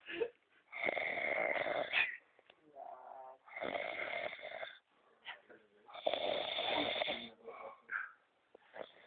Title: Schnarchen